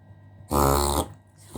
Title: dog backward sneeze / warning unpleasant to watch but good to know